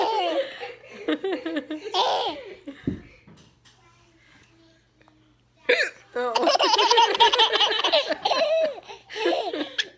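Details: An adult's abrupt, sharp hiccups interrupt bursts of hearty laughter from an infant who finds them funny: hiccups.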